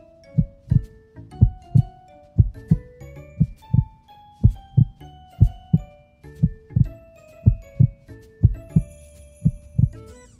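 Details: Demonstration clip for counting heart rate in a vital-signs lesson: steady paired lub-dub thumps at about 58 beats a minute over light background music; a normal heartbeat.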